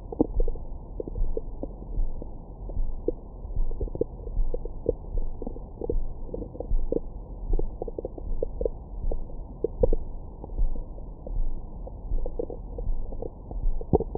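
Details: Own abdomen recorded with a stethoscope microphone after a large meal: frequent gurgles, pops and squeaks, active normal bowel sounds.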